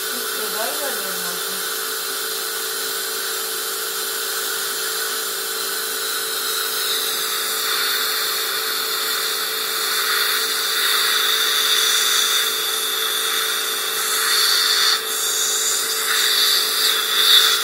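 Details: Dental laser used for crown lengthening gum surgery: a steady high hiss and whirring of dental equipment with a faint tone.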